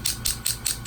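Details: Low-level shockwave therapy device treating a chronically painful right ankle with MRI-confirmed partial tear of a lateral ankle tendon; rapid rhythmic mechanical clicking bursts about four a second.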